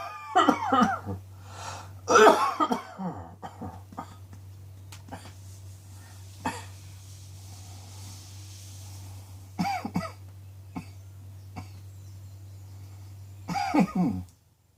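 Irregular bouts of harsh repeated coughing with quieter single coughs between, over a steady low room hum.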